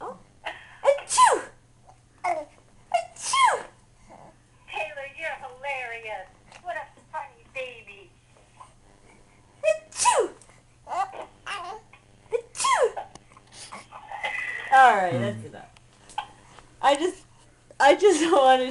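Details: Repeated abrupt sneeze and cough bursts from an adult, with a baby giggling and laughing in between.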